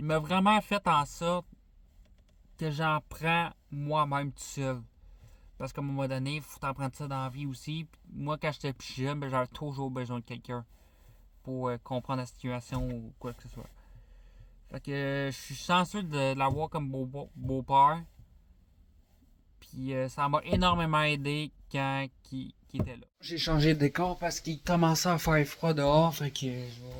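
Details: 20-year-old man, born deaf, with a cochlear implant fitted at age 3 and developmental language disorder (dysphasia); some words are very hard for him to say, and he had speech therapy for articulation.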